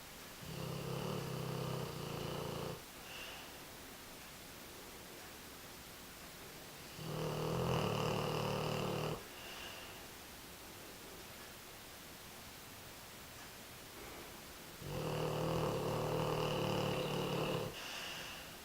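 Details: American Bulldog snoring in one of his quieter sessions; he often gets much louder: regular loud rumbling snores, three in under twenty seconds, each followed by a quieter exhale.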